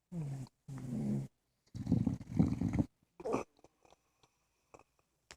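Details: Female English Bulldog sleeping on her back in bed: loud, rough, rattling breaths in a quiet room, rising and falling with each breath; snoring.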